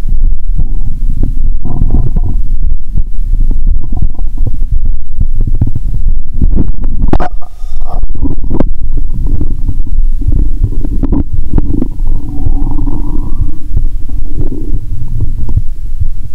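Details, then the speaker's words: Stethoscope over the abdomen during a cola-and-Mentos session, watery sounds heard: continuous low gurgling and rumbling after the fizzy drink; bowel sounds (borborygmi). ""OK! Tôi sẽ thử lại lần nữa!" Tôi nghe thấy tiếng nước 💧 ♪."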